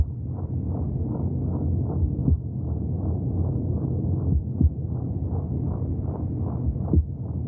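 Rapid, rhythmic muffled whooshing pulses with a few deeper thumps; heartbeat sounds as heard inside the womb.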